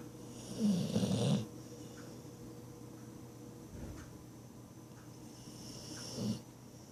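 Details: Pet asleep on the owner's leg, snoring: low, rattling snore bursts on inhalation, two within seven seconds, over steady room hum. Ordinary snoring.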